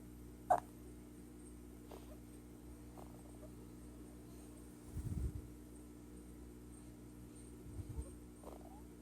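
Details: Newborn girl asleep, sharp squeaky hiccups about every 1 to 2 seconds over steady room noise; repeated hiccups.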